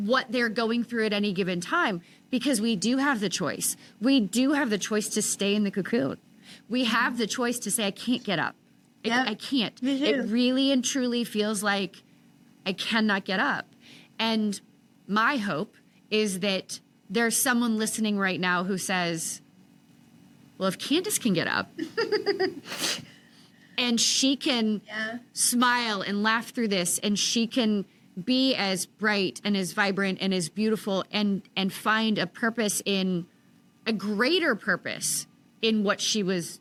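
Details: Adult woman speaking; Typical speech.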